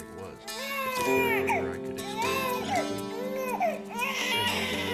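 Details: Normal crying of early infancy (Period of PURPLE Crying, French-language parent education): repeated rising and falling infant wails with soft music behind.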